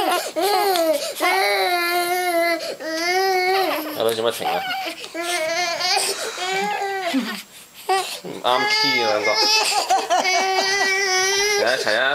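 Repeated loud, high-pitched wailing cries from more than one infant, broken by whimpers and babble in a small room.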